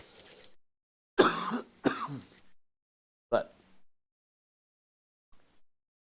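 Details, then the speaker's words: Adult golfer with bad allergies: harsh two-burst cough, then a single throat clearing a moment later, in a quiet setting. "I apologize about the coughing. My allergies have been so bad."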